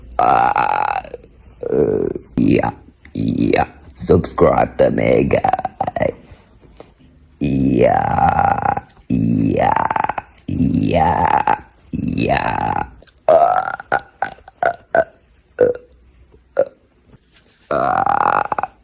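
A long series of loud, voiced belches made on purpose, one after another.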